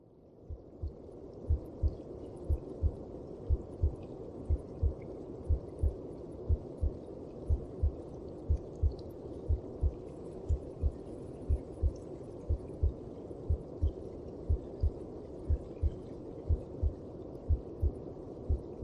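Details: Maternal heartbeat as heard from within the womb: steady, muffled heartbeat at about 60 beats a minute under a constant low whooshing rush.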